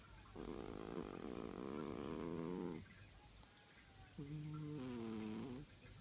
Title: Snoring kitty